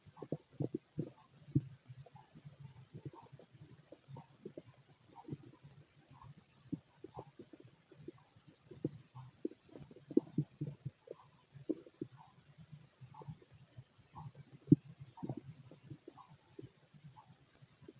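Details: Stomach growling in a male during normal digestion: soft, irregular gurgles and rumbles from the belly, coming in bursts throughout; ordinary digestive bowel sounds (borborygmi).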